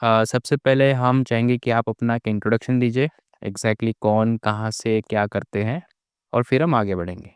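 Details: Adult male speaker; normal speech.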